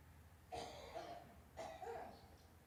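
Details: Two harsh, loose-sounding cough bouts in a quiet room from a mature Italian female smoker: a smoker's cough.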